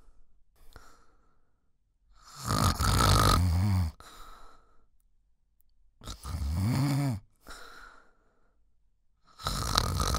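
Loud, rough snores on each breath in, separated by quieter breaths out, about every four seconds. Ordinary snoring.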